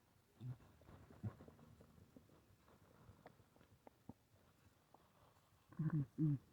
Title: Uhh... stomach growling.